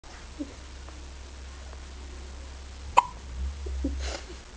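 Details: Newborn baby's first hiccups after birth, having often hiccupped in the womb: two abrupt hiccups, one soft and one sharp, over a low steady hum.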